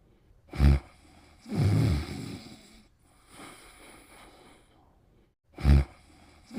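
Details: Pimples snoring in sleep: loud, low snorting snores with softer rasping breaths between, about every five seconds.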